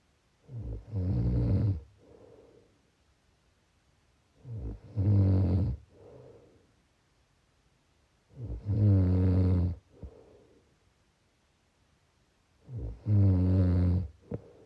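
Four loud, low, rattling snores on the in-breath, about 15 a minute, with quiet pauses between them.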